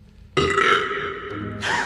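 One long, loud, rumbling burp lasting over a second, taken from a film or TV scene, with music behind it.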